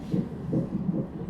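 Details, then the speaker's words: Fetal heartbeat on a hospital Doppler monitor during induced labor after Cervidil and a Foley balloon, with the mother having fast, painful contractions: rapid rhythmic whooshing pulses at roughly 140–150 beats a minute. "These that you can hear the heartbeat in the background, but the contractions, they don't feel very good, I gotta say."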